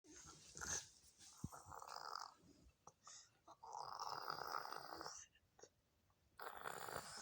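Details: Child told to sleep pretends to sleep while making snoring sounds: snoring.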